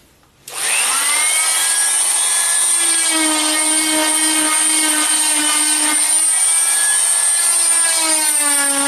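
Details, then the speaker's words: Oscillating cast saw bivalving a fiberglass foot cast with a rocking in-and-out punching motion, skin protected underneath; loud continuous high whine with pitch shifting as the blade presses in. "so you'll notice what i did there is i just did that's kind of a rocking motion in and out in and out in and out and that's the easiest way"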